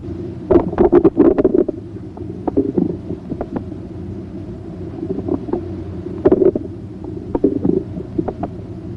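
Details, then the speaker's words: Stethoscope diaphragm placed gently on the right lower abdominal quadrant: irregular gurgles and clicks, typical of normal active bowel sounds. "listen for bowel sounds by placing the diaphragm of the stethoscope gently on the right lower quadrant listen to their pitch quality and frequency"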